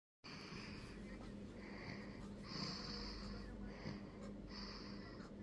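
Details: Sleeping baby snoring lightly: soft, noisy breaths about every second with a faint whistling edge, over steady room hum.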